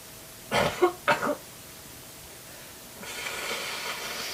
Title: Awesome spray sneeze #sneezy #sneezingchallenge ze